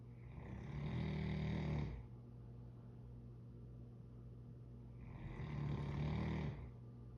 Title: Loud dog snoring